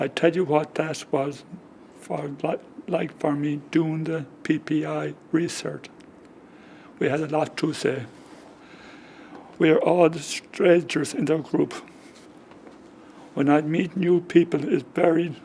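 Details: Man aged about 65 with aphasia caused by a stroke 10 years ago, just before his 55th birthday; it affects talking, writing and spelling; he understands but finds it hard to get words out; aphasia.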